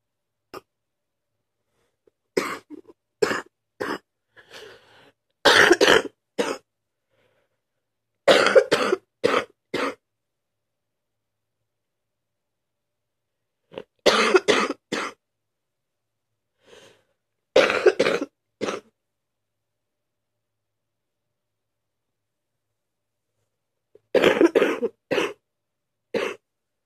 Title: # 82 Sick, waking up coughing 2/2